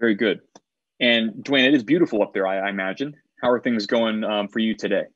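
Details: Adult male speaker; ordinary speech.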